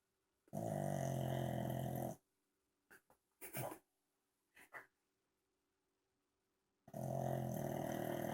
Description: Gonzo the pug snoring like crazy till he's asked if he wants to go bye bye